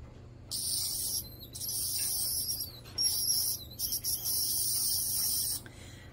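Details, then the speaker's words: High-pitched buzzing whine in bursts, only while the tip touches tooth enamel; a home sonic plaque remover on soft mode, silent on gums, used on the user's own teeth. "you can hear the sound that it's making when it's on my tooth this is because it's only going to activate when it's on that hard enamel"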